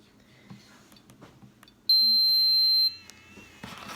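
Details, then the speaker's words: Enteral feeding pump alarm heard as a single loud, high-pitched one-second beep over quiet room noise, while the pump is being set up and its tubing primed with breast milk for a child's G-tube feed. "so here's the lovely annoying feeding pump it beeps so loud they'll get to hear that right now then"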